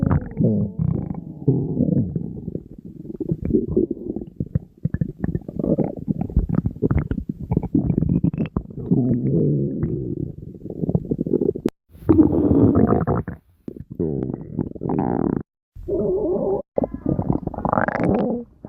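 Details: Long bubbling, gurgling low rumbles with brief pauses; stomach growling from normal gut movement of gas and fluid.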